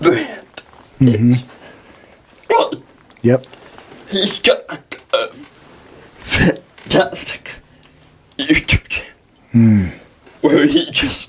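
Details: Dysarthria in a 23-year-old man with cerebral palsy, speaking in a podcast interview; he says he is working on physically being able to deliver his message.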